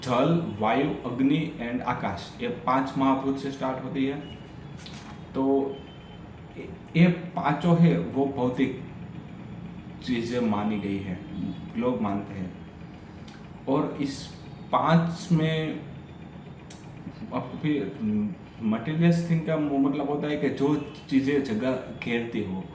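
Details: Adult man who stammers, on Day 6 of a daily stammering practice routine, reading a story aloud in Hindi, with audible repetitions and revisions; stuttering.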